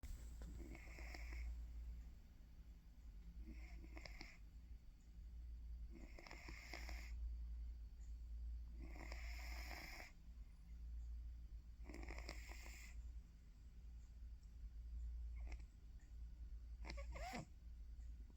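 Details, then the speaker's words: Sleeping person: soft, regular snoring breaths about every three seconds, roughly 20 a minute, over a steady low hum in a quiet room; snoring. "Hi. You're snoring. Yeah, you are. I'm sorry, but you are."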